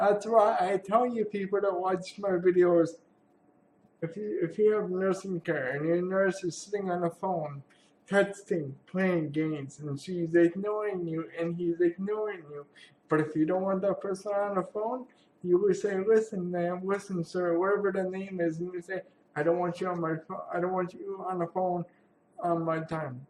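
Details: Adult man with cerebral palsy who attends therapy sessions for muscle pain; real speech, speech pattern not named; speech in cerebral palsy.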